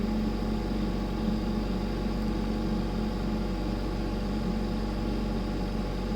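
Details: Allied Jupiter ventilator with compressor running: steady low mechanical hum and drone of the compressor, with no distinct breath cycles or alarms.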